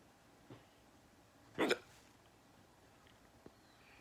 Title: I have hiccups